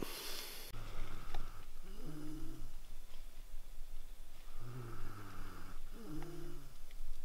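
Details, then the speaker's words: Two deep, rumbling snores a few seconds apart from a dog asleep at 5:30 a.m. inside a truck during winter camping, a quiet enclosed space; he snored all night. "It's 5:30. Mr. Scooter's snoring away, as you can hear."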